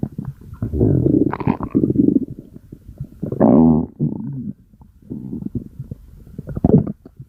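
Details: Loud, gurgling, squeaky rumbles in several irregular bursts, from gas and fluid moving through the gut: stomach growling (borborygmi).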